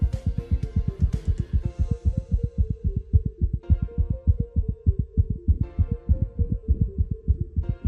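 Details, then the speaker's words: Teaching example of a heart rhythm that runs normally, then suddenly breaks into a very rapid pounding; paroxysmal tachycardia. "Escuchen este muy particular. Viene el ritmo, viene el corazón y de repente entra en un golpeteo muy rápido."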